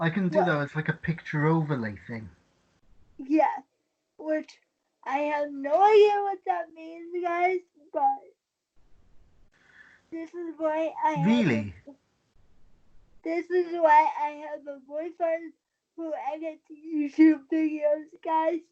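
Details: Dysarthria in a 23-year-old woman with cerebral palsy since birth after premature birth at 27 weeks, a more advanced form affecting the brain's balance centre; she uses a wheelchair and links her prematurity to the stability of her speech.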